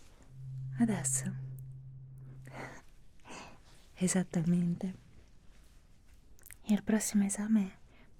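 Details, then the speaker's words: Simulated hearing test in an ASMR cranial-nerve examination roleplay: a struck tuning fork hums steadily for about two seconds, then soft whispered speech asks which side the sound is heard from and how loud. "この音が気になりませんか?私には少しわかりませんが、聴力をテストするのに非常によく使われるツールです。"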